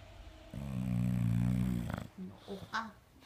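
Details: Sleeping, lazy English bulldog giving low, buzzing, rumbling snores followed by a few soft snorts; snoring.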